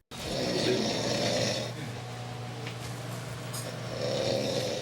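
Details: Man fast asleep, reportedly drunk, as police enter his house: loud, rough snoring on breaths in, with room noise and background voices; heavy snoring.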